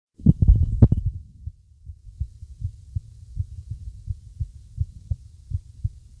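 Muffled low heart thumps with uneven spacing between beats, consistent with an irregular heart rhythm.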